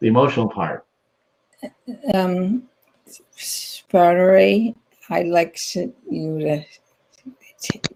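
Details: Woman with aphasia after a stroke in 2010, in ongoing rehabilitation therapy; aphasia.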